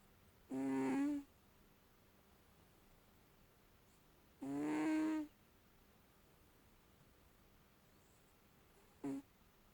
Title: Snoring Cat